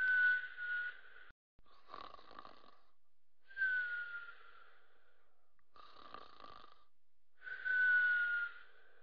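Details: Soft, regular whistling snores on breathing in, with quieter breathing out, about 13 breaths a minute; gentle snoring.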